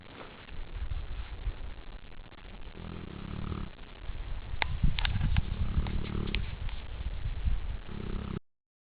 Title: Snoring Neapolitan (Neo) Mastiff